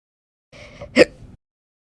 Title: 9/29/21, Painful Slow Hiccups after Dinner Final Draft